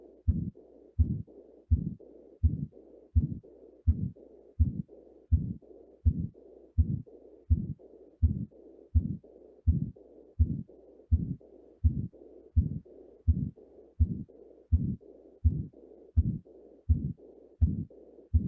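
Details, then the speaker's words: Regular heartbeat at about 83 a minute with a rushing noise filling the gaps between beats: murmurs in both systole and diastole, explained as damage to both atrioventricular and semilunar valves, in a skills-lab teaching example. "Jadi kalau ada murmur sistolik dan murmur diastolik, berarti ada kerusakan selain di arterioventricular valve, berarti di semi lunas valve juga terjadi kerusakan. Nah, itu akan terdengar murmur di diastolik maupun di murmur sistolik."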